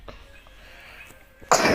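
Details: Girl who says she is sick but recovering, coughing while playing a game: a single loud, abrupt cough burst after quiet room noise.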